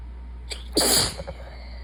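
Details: Tired, sick person sneezing: a short breath in, then a sharp, hissing sneeze over a steady low hum.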